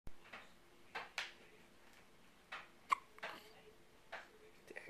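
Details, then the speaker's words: Infant's first hiccups: short, sharp hiccup sounds recurring about every second in a quiet room. "got the hiccups yeah this my first hiccups oh my goodness oh my goodness somebody pick me up and get rid of my hiccups"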